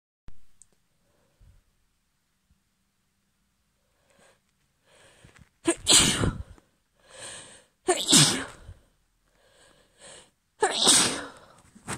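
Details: A woman at the end of a cold, just woken up, gives several loud, explosive sneezes, each preceded by a short in-breath, in a quiet room.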